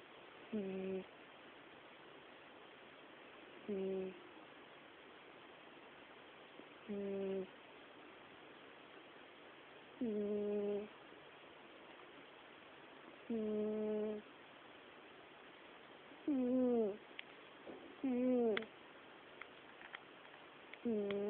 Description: my cat snoring